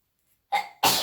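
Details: Sneeze induced by a Covid-19 nasal swab test in a girl: a quick inward catch of breath followed by a sharp, explosive sneeze.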